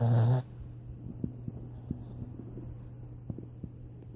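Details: Low steady rumbling breaths with soft snorts and clicks after a brief loud noise, from a sleeping dog; quiet snoring.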